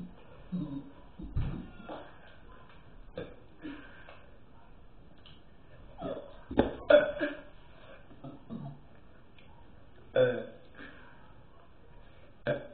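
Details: Person burping repeatedly in the afternoon: several short, low, throaty belches a few seconds apart in a quiet room.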